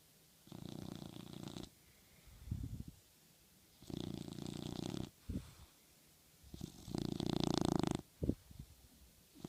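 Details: Small toy dog asleep and dreaming on a pillow, snoring: three rasping snores about three seconds apart, each followed by a short snort, in a quiet room.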